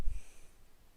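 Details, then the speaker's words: Single sneeze from a small female pet cat, who may have another infection: a brief, soft sneeze followed by quiet room tone. "You feel better now that you sneezed? That was a really big sneeze from a small cat."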